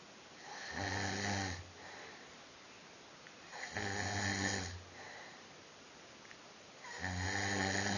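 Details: Snoring from a sleeper at a 2013 fan festival: deep rattling snores on each in-breath, about three in eight seconds, with quiet pauses between; ordinary snoring.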